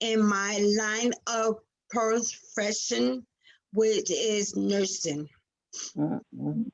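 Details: Real aphasia in a 47-year-old woman after a stroke on February 19, 2019, with sudden loss of speech at onset; recorded June 2021; finding: aphasia.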